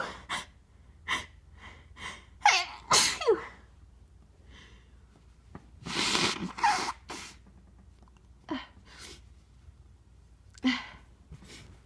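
A run of sharp sneezes, some with audible breaths and snorts between them, in a quiet room; ordinary sneezes set off by a tissue.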